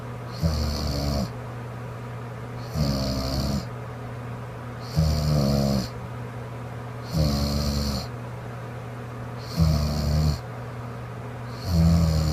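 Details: Rhythmic rattling snores with hissing breaths out, about 27 a minute, over a steady room hum, from a sleeping girlfriend; ordinary snoring during sleep.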